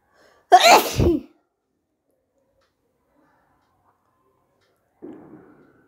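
One loud, explosive sneeze with a sharp intake and burst, then a soft exhale a few seconds later; an ordinary sneeze.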